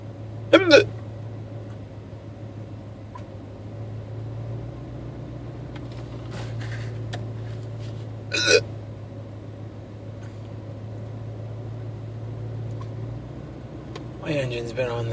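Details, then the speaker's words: Three sharp, voiced, loud hiccups over about 15 seconds, each a sudden catch of breath, from someone sitting in a truck after work, engine humming; not painful, recorded on a cell phone. "they are not painful. They don't hurt. They're just really loud."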